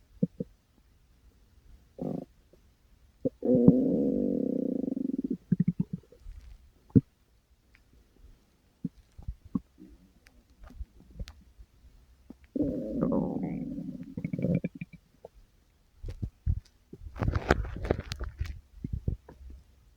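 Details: Person's stomach growling (borborygmi): repeated low gurgling and rumbling bursts of varying length from the tummy.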